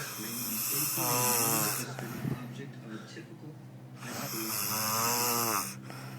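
Two slow, loud, rough snoring breaths with a rattling, buzzy quality on each inhalation, separated by quieter exhalations: snoring.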